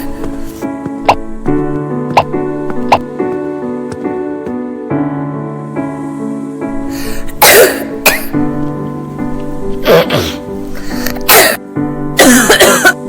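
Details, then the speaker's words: A child's moist, phlegmy coughs in several short bursts over background music; a cough possibly due to reflux. "Si su hijo está sano, pero tiene tos con flema Que a menudo (pero no siempre) ocurre después de las comidas o meriendas. La tos puede deberse al reflujo."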